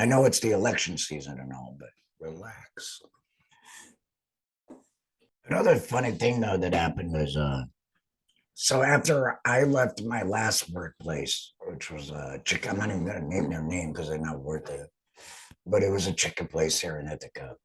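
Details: Real adult laryngectomee speaking after total laryngectomy, now back at work. The finding is alaryngeal speech after total laryngectomy.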